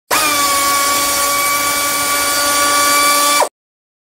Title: dentist drill sound/free to download